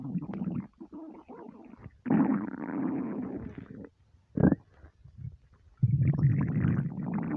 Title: starving stomach rumbles